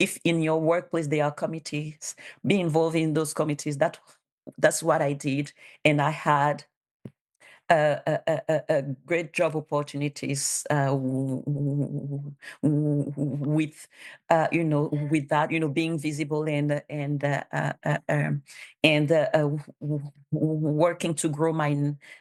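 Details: Real adult bilingual woman, a public servant in Canada, with stuttering she has self-declared as a disability, supported by speech therapist documentation; stuttering.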